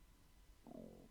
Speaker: And that's my stomach rumbling, if you can hear that.